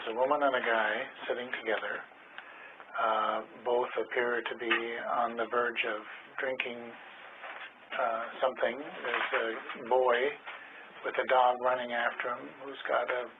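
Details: 52-year-old man, two years of gradually worsening cognitive concerns, left anterior temporal lobe involvement; fluent speech with vague words and impaired naming, normal repetition and motor speech; semantic variant primary progressive aphasia.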